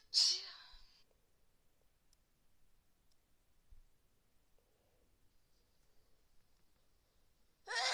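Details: Adult with a summer cold, attributed to cold office air-conditioning after going out with wet hair, sneezing repeatedly: two sharp, hissing sneeze bursts separated by several seconds of near silence in a quiet room.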